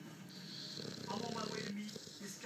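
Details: Staffordshire bull terrier dog snoring: loud, rumbling, rattly snore on a long breath, faint television talk in background.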